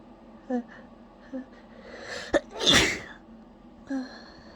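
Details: Person trying to hold back a sneeze; a short inward catch of breath, then one loud explosive sneeze, with soft voice sounds before and after.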